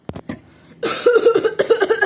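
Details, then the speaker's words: Acted, simulated adult cough blended with laughter: coughs running into rhythmic, voiced, laugh-like bursts. "Kalau ketawa ya ketawa aja, kalau batuk ya batuk."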